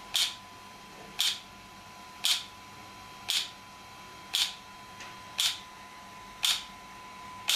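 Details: Sharp, regular clicking pulses about once a second over a steady faint tone: an ESWT shock wave therapy device firing, demonstrated for muscle and bone pain relief.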